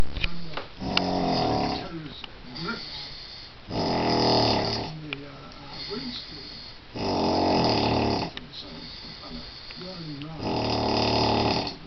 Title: Incredibly loud snoring